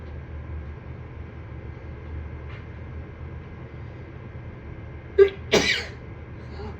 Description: My allergies have been on fire lately. Here is some sneezing and nose blowing from a tiny fit